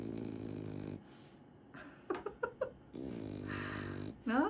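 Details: Sleeping French Bulldog snoring: two long, low, rattling snores with brief snuffling snorts between them and a louder honking sound at the end.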